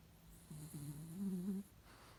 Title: Babygirl Polly have a nice sleep with snoring 😆